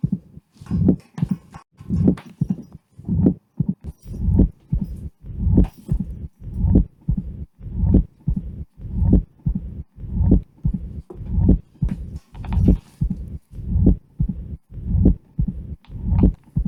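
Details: Patient with severe mitral stenosis and atrial fibrillation: loud low-pitched heart sounds at roughly 50 a minute with a low rumbling diastolic murmur between beats, with loss of presystolic accentuation; mitral stenosis murmur.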